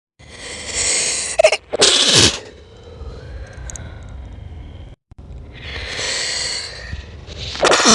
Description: This is a slowed down version of my 5 natural sneezes video.